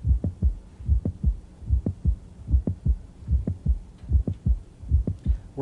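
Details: Mid-systolic click heard at the apex with the stethoscope diaphragm, usually due to mitral valve prolapse from myxomatous degeneration: regular heartbeat at about 74 per minute with an extra click between the first and second heart sounds.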